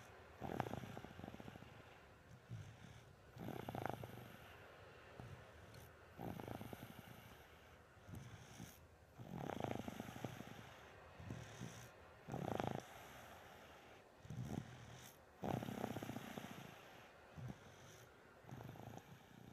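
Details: Sleeping animal snoring: slow, rhythmic snorting snores about every three seconds, roughly 20 breaths a minute.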